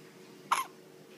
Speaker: Hey, Daddy. Hi, Daddy. You get the hiccups, huh?